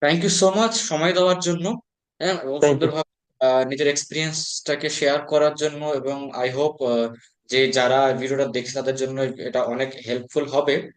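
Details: Adult male speaker; fluent speech.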